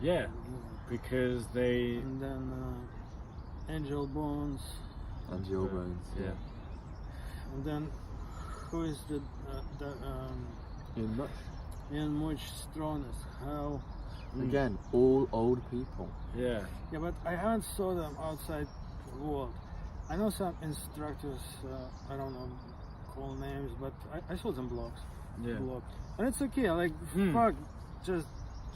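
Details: Adult who stutters and who learned stuttering-modification techniques such as cancellation from a speech therapist; stuttering.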